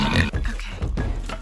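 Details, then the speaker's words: Low, rumbling grunting breaths from a sleeping pet pig outdoors on a homestead, two snore sounds in under two seconds; ordinary snoring. "but Mr Roof Is Here he likes to snore okay"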